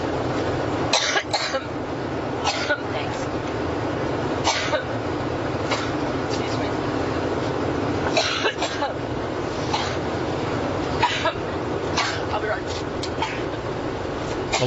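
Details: Repeated harsh coughs in clusters over steady aircraft cabin engine noise during a press gaggle aboard a campaign plane, forming a sustained coughing fit that ended the session.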